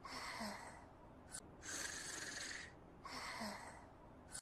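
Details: Sleeper snoring: two long hissing, noisy breaths about 1.5 seconds apart with short snorts between them.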